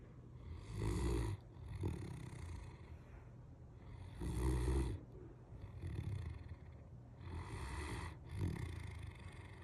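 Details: Molly, a sleeping Great Dane dog: deep, rumbling snores, about 16 breaths a minute, some with a snorting edge; snoring.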